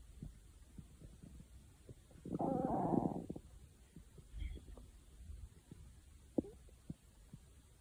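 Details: Stomach growling: a loud gurgling rumble about a second long, then faint clicks and gurgles.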